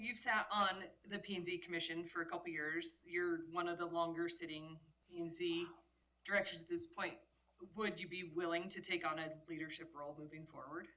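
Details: Adult speaker; normal speech.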